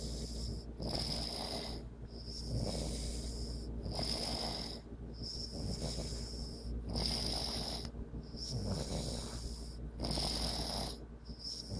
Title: Primo Snoring ! :))